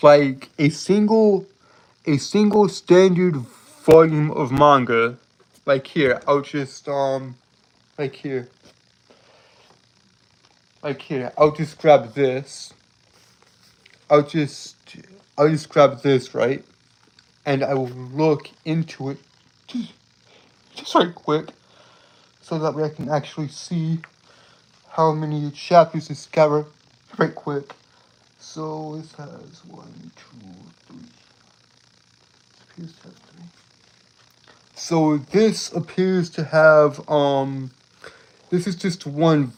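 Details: Lifelong stuttering present since birth in an adult male, self-described as holding syllables rather than repeating sounds; real, not acted; stuttering with prolongations and blocks.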